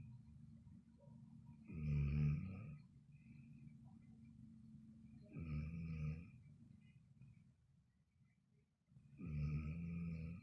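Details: Snoring: loud, rattling, low snores on each in-breath, about three over ten seconds, with quiet breathing between; typical heavy snoring.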